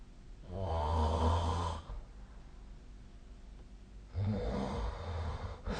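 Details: Sleep snoring recorded with a snoring-tracking app: two low, rattling snores on the in-breath, separated by a quiet pause; ordinary snoring.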